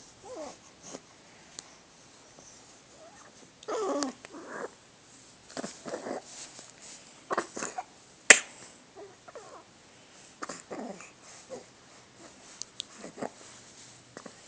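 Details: Dog gives a little cough, a few soft, short coughing bursts, then quieter breathy sounds of a big yawn.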